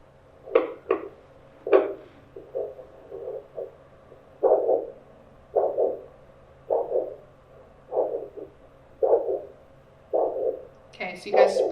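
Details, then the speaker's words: Handheld Doppler over the posterior tibial artery at the ankle, between malleolus and calcaneus, during an ankle-brachial index demonstration: rhythmic whooshing pulse at about 50 a minute, a normal arterial Doppler signal. "you'll hear a whooing sound when it comes on and then you find the artery usually I'll find it somewhere in between the malis and the calanus"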